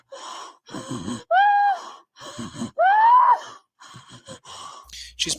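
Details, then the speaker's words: Post-ictal laboured breathing in a daughter turned onto her side after a seizure: loud, strained gasping and groaning breaths with snorting as breathing stays difficult after the seizure ends. "her seizure is either over or mostly over and yet she still has trouble breathing for a while afterwards"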